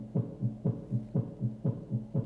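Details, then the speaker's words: Dog, stethoscope inched cranially and dorsally into the axilla at the heart base, where S2 is louder: regular paired lub-dub beats, about 120 a minute, second sound emphasized; normal heart sounds at the heart base. "when we're listening to the Heart bass we want to inch our stethoscope cranially and dorsally into the axilla and listen to where the S2 heart Sam is louder"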